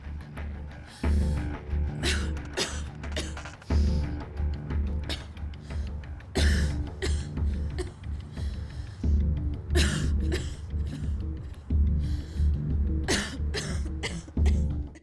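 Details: Simulated smoker's cough in an anti-smoking message: repeated harsh, deep, acted coughs over steady music.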